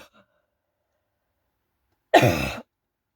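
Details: Cough from a woman with a hoarse, broken voice who says she has caught a cold.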